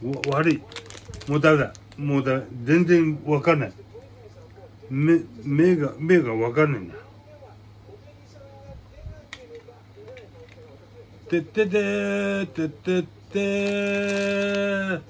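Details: Aphasia with hemiplegia after brain hemorrhage in a man, per hashtags; repeated syllables heard; aphasia.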